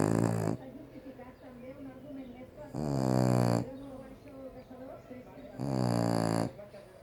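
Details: Sleeping French Bulldog: loud snores with rattling in-breaths about every three seconds and softer snuffling between; snoring in a short-nosed breed.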